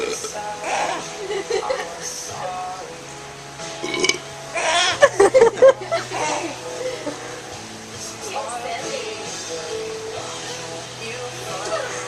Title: Daddy burps for baby